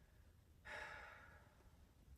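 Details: Girl during chest and lung assessment, respirations described as normal: one deep audible breath out, a soft rushing sigh fading over about a second in a quiet room; normal deep breathing.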